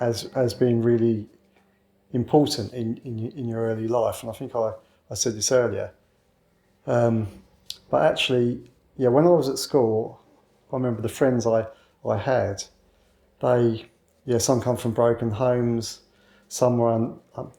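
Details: 61-year-old man with a lifelong stammer since childhood, now largely covert and hidden so overt disfluency may be infrequent; stammering (stuttering)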